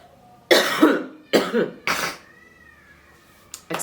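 Three quick, harsh cough bursts in succession, then a brief pause; an ordinary isolated bout of coughing.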